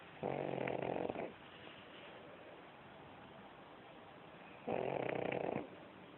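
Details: Pug sleeping; two loud, rough, buzzing snores about four seconds apart with quiet breathing between; snoring.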